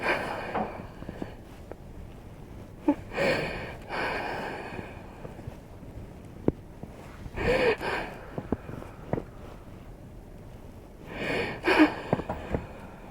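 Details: Woman during a hands-on fascia healing session with a chiropractic adjustment; three sharp, noisy gasping breaths at irregular intervals, with scattered clicks and taps between them.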